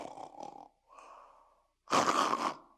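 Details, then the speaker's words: Sleep specialist imitating obstructive sleep apnea: snoring breaths followed by a loud gasping, choking snort, the unusual gasping and choking heard in sleep apnea snorers. "but also you're going to hear something unusual which is gasping and choking so they'll be snoring"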